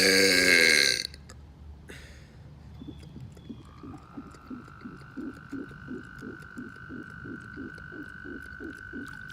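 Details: A loud, voiced burp opens, followed by quiet room noise with a steady hum and soft rhythmic sounds; a plain belch.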